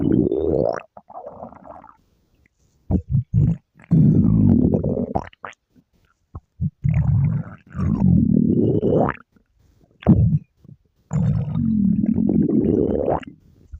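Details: Girl's loud stomach growling: long, low gurgling rumbles rising in pitch in several drawn-out runs with gaps.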